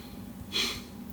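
One short, breathy burst of air through the nose, a quick snort, over a quiet room.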